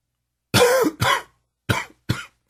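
Four harsh, rattly coughs in two pairs, the first ones long and wet-sounding; a smoker's cough.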